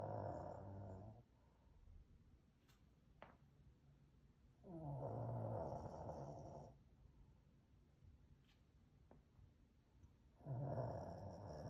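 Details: Snoring from a sleeping 14-year-old Shih Tzu/Poodle mix dog.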